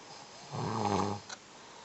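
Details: One loud, vibrating snore lasting under a second, followed by a short snort, from a sleeping adult man with sleep apnea who is recovering from a cold.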